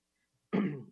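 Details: A single short, rough throat clear from an adult man after speaking nonstop for 12–13 hours; an onlooker, a nurse, likened it to a COVID cough.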